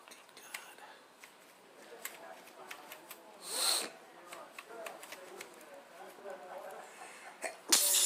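A few sudden bursts of breathy noise amid quiet rustling and room sounds: a short run of sneezes.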